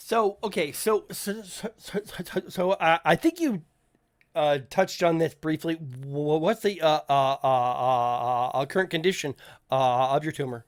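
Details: Stuttering (self-reported) in an adult male podcast host who says people in voice chats kept asking him to repeat himself; speech has word and phrase repetitions.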